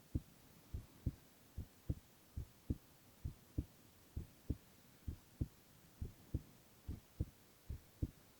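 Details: Silent ASMR recording of a young man's heart sounds only: steady paired lub-dub heartbeats at about 66 a minute, even rhythm, over a quiet hiss; heart sounds.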